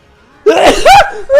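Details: Person sneezing: a quick intake of breath followed by a single loud, sharp sneeze.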